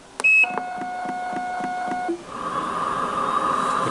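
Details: Minipegaso cough assist machine being switched on after its inspiratory pressure, flow speed and manual or automatic timing are set: a sharp start-up beep, a steady electronic tone, then a rising airflow hiss as insufflation begins.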